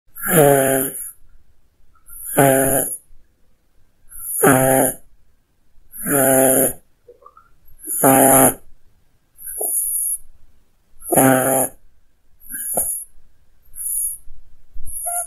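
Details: Cat snoring low in her bed while sleeping, loud rhythmic snores about every two seconds (~30/min) with soft breaths between; snoring.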